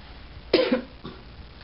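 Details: A young baby girl playfully imitates a cough with a single short, voiced cough-like burst: imitated cough.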